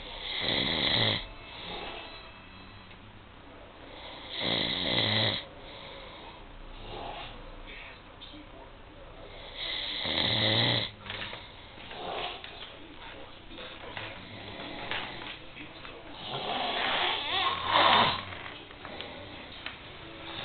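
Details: Loud, rasping snoring recurring roughly every five seconds with quieter breaths between.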